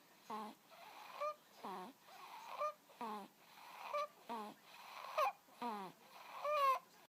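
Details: Snoring in a 2-month-old infant: rhythmic noisy breaths, about 40 a minute, with squeaky, voiced, rattling sounds on each breath.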